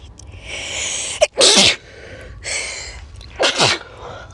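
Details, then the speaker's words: Sneezing edit made as a fun video: two sneezes about two seconds apart, each a quick indrawn breath followed by a sharp explosive burst; sneezing. "I need to sneeze."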